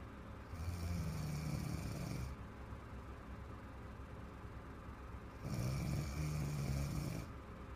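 Two long, loud, rattling snores on the in-breath, separated by quiet breathing; ordinary heavy snoring.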